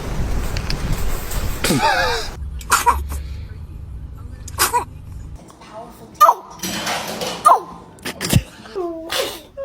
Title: The baby sneezes#cute #interesting #kid #usa #happy